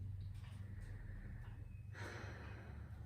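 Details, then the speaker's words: Stethoscope over the trachea during a respiratory exam (bronchial sounds): faint airy deep inhale, then a stronger, louder exhale on request, over low room hum. "And starting off, I'm going to listen for the bronchial sounds of the lungs, and you will hear that around the trachea. So I'll have you take a deep breath. Exhale."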